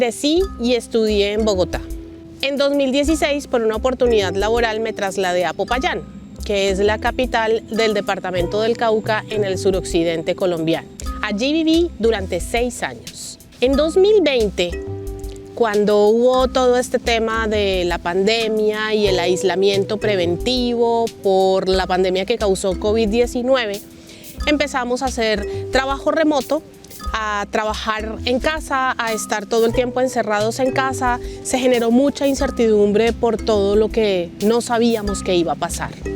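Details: Adult woman speaking Spanish; normal speech.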